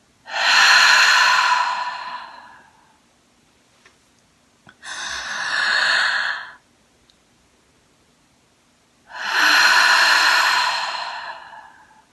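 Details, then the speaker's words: Three slow, deep, forceful breaths separated by silent five-second holds, from an adult on about day 20 of COVID-19 symptoms with fever near 102°F; chest pain and laboured breathing reported afterward; deep breathing exercise with breath holds. "it's two cycles of six breaths you breathe in five times and after each inhalation you retain the breath for five seconds before you exhale it out on the sixth breath you are to cough robustly so I will just do one cycle to demonstrate"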